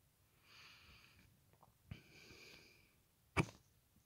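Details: Quiet breathing broken by a few abrupt catches, ending in one sharp loud hiccup; hiccups.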